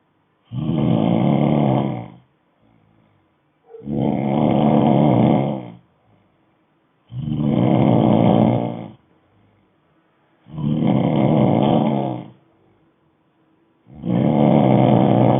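Loud, rough, rattling snores about every three seconds, roughly 18 a minute, with quiet pauses between: heavy, regular snoring.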